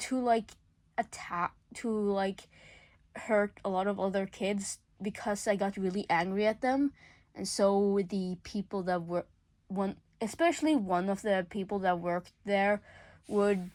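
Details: Male speaker under legal guardianship who self-reports stuttering a lot: real stuttering.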